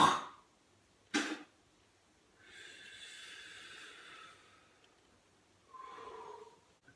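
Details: Two sharp coughs followed by noisy, strained breathing and a high-pitched drawn-in sound during a whooping cough (pertussis) episode with breathing difficulty, possibly vocal cord closure (laryngospasm).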